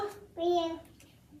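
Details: Boy aged 3 years 4 months imitating "boo"; his two consecutive attempts differ markedly and neither reaches the target vowel; childhood apraxia of speech with inconsistent productions and vowel distortion.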